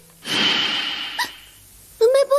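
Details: Acted cartoon voice of the animated character Lum (Urusei Yatsura) hiccuping: a long breathy intake of air, a short catch, then voiced speech; a simulated hiccup or gasp, not a real recording.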